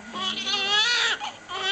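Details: First cries of a newborn boy just after birth: strong, high-pitched, tonal wailing.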